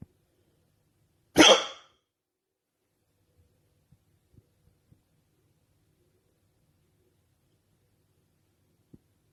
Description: I catch the hiccups again lol